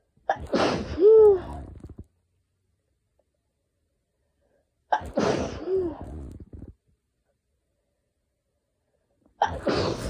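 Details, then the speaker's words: Three loud sneezes in close succession, each with a sharp intake and explosive release, from a person with a very sensitive, itchy nose during pollen season; pollen-triggered sneezing. "okay inducing is really easy but all of my sneezes sounded like that and and I would just have to keep going to the bathroom because my nose was so itchy"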